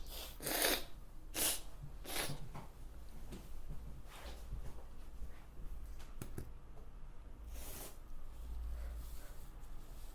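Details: About four sharp, explosive sneezes spaced through the clip over a low room hum, recorded from a consenting model. Repeated sneezing.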